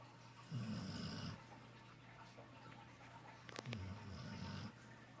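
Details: Napping in the sun: two low, rumbling snores on slow breaths in, with a quiet pause between; soft snoring during sleep.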